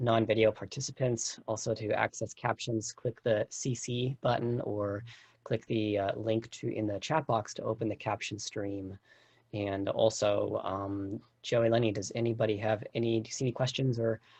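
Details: Adult speaker; Typical speech.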